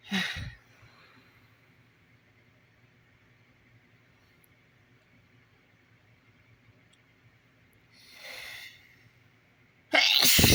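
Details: Morning sneezes: a short sharp burst, a soft breathy gust, then a loud explosive burst near the end; sneezing.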